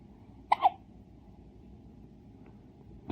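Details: One-day-old baby boy: soft, brief hiccup with a small catch of breath over quiet room noise, whole body shaking with each hiccup; normal newborn hiccup.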